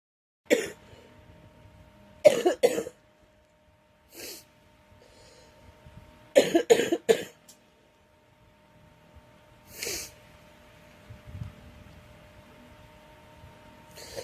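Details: Girl with a cold coughing repeatedly, in single coughs and short bursts of two or three, about a dozen in all.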